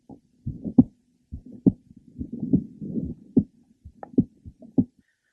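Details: Third left sternal border of a woman with mitral valve prolapse; frequent premature ventricular beats with a series of clicks in mid to late systole.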